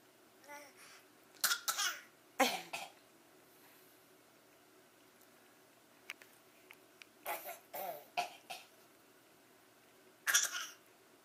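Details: Voluntary imitated cough: several short, dry cough bursts in clusters, with a young child deliberately faking coughs after adults really coughed.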